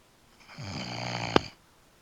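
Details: A person snores in the background, possibly asleep at a keyboard or on a couch: a single low, rumbling snore on an in-breath, lasting about a second, with a faint click at its end.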